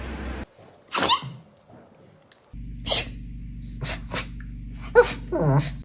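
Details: Dog sneezing: several short, sharp nasal bursts over a low background hum; repeated sneezes.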